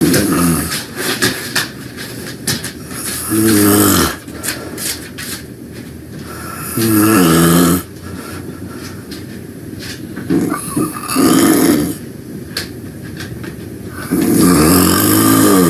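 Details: Loud, rough, rattling snores on each in-breath, about 16 a minute, with quieter breathing between, from a person taking a nap; snoring.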